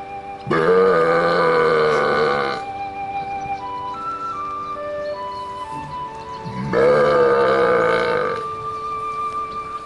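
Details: Two long, loud, voiced belches performed outdoors in front of cows, separated by a gap with soft tonal music: burping.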